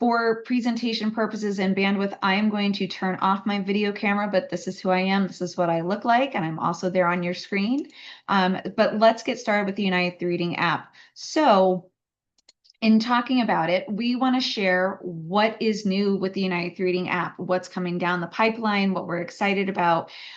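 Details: Adult woman speaking; Normal voice.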